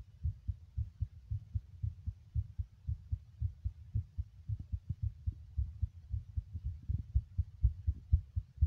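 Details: Male heartbeat recorded while smoking: a steady low thumping heartbeat, fairly fast at roughly 120 beats a minute.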